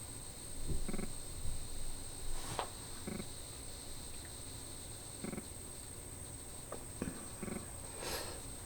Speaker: If you hear any noise in the background, my dog is laying right here beside me, and she is snoring up a storm right now.